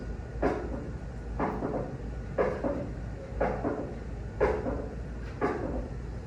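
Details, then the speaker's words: Third heart sound (S3 gallop) in a cardiology teaching session, alongside displaced apical impulse and hepatojugular reflux: regular heartbeat about 59 a minute with an extra soft low sound after the second sound. "Y la S, S3, un tercer ruido. Un segundo ruido es un latido normal. Y este es un S3."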